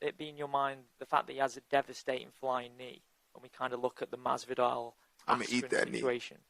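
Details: Adult male reporter; no speech disorder.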